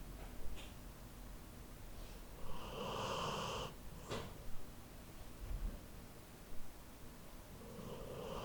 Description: I happened to have my H4n handy, so I recorded my Labrador snoring.